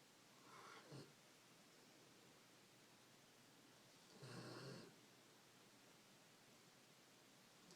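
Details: Female pet "piggy" snoring during her noon nap; two soft rasping breath sounds against steady background hiss.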